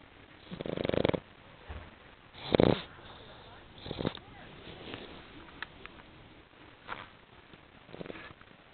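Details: Short snorting snores and uneven snuffling breaths from a sleeping female dog, who wakes at one point; snoring.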